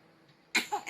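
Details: Child's fake cough: after a quiet pause, a short, forced cough-like burst, acted rather than from illness.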